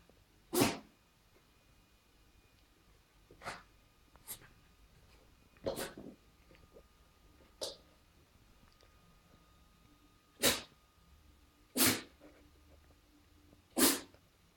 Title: Dog sneezes